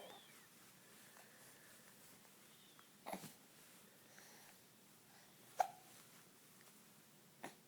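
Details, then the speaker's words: Hiccups: three faint, brief hiccup sounds at irregular intervals in a quiet room. "Somebody has the hiccups. Do you have the hiccups?"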